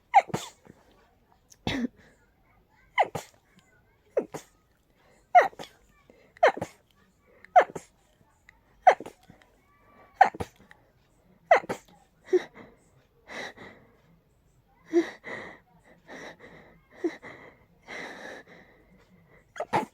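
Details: Allergic sneezing attack from very high pollen and dust sensitivity without allergy medication: a rapid, breathless run of about a dozen forceful sneezes with short gasping breaths between.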